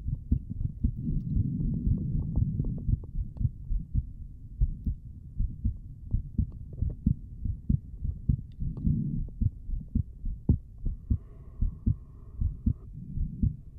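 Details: Streamer's own heartbeat picked up by a microphone during a relaxing ASMR session, said to be beating hard with paired strong beats: rapid low thumps, uneven in spacing, faint background tones near the end; normal heartbeat.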